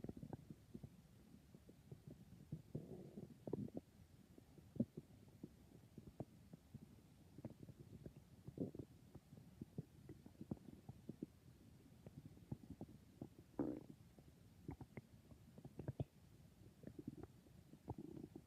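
Soft gurgles, squeaks and bubbling rumbles coming irregularly over a quiet background: ordinary stomach growling from gut movement, normal.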